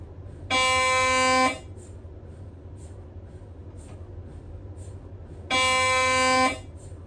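Two loud, steady buzzing tones about a second long, five seconds apart, with faint ticks between: normal gradient noise of an MRI scanner running a sequence.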